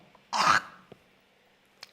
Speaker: Đây là đờm. Đôi khi, khi làm việc, chắc hẳn các bạn đã thấy những người đàn ông trung niên hoặc các ông cụ người Hàn Quốc làm điều này, đúng không?